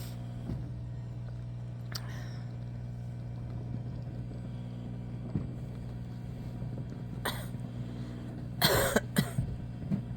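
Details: Cough from a household pet, either an 8-month-old cat or a Shiba Inu dog, with dust mentioned: a few short, harsh cough bursts over a steady low engine-like hum.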